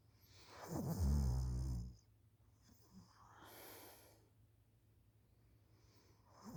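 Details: School student asleep on the couch after school, recorded by mother: a loud, low rattling snore on the in-breath, then quieter breathing and a softer follow-up snore; ordinary snoring.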